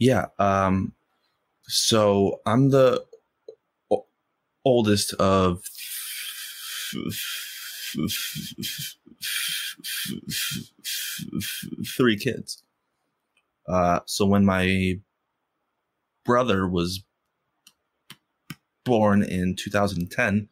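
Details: Stuttering in an adult man who has stuttered since first grade and stutters most when asking people for things.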